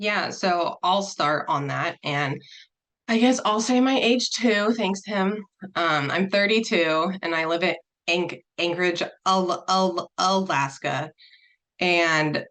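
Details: Person who stutters, speaking as a panelist introducing a session on dating and stuttering; repetitions audible; stuttering.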